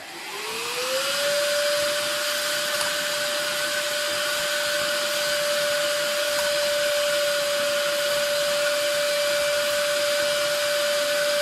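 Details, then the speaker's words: Electric baby nasal aspirator (model X8), battery powered, demonstrated lifting a vacuum-cleaner extension: a steady motor whine that rises in pitch as it starts, then holds level at full suction. "so here I am with a vacuum cleaner extension for cleaning babies noses so let's fire it up and see if this can live"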